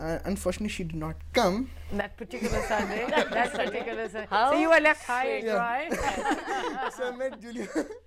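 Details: Adult woman speaking; ordinary speech.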